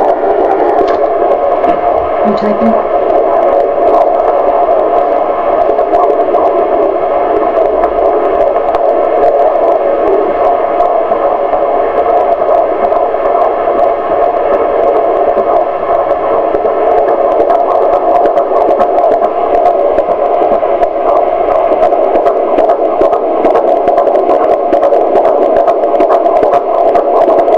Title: Our Baby's Heartbeat at 16 weeks